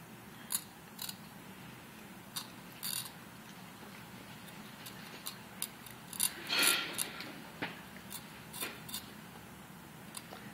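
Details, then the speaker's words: Simulated dental hygiene demonstration, patient turned away with chin up, operator fulcruming and using a mirror for surfaces toward, midline to surface: soft scraping clicks and short hand scaler strokes. "Again, going from the midline of the tooth to the surface, in this case, toward."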